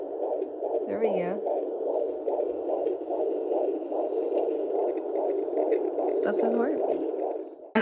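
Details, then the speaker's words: Fetal heartbeat of a boy at 17 weeks of pregnancy (third pregnancy), heard on an at-home battery-operated Doppler: rapid, even whooshing pulses about 145 per minute over hissing tone, probe scraping; normal fetal heart rate. "i have gotten that heartbeat on video as well so i'll actually include a little clip here of us listening to his heartbeat um the other night"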